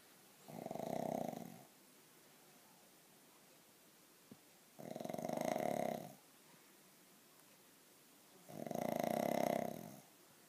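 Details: Snoring: three long, regular rasping snores on breathing in, roughly every four seconds, about 15 a minute, with quiet gaps between; ordinary snoring.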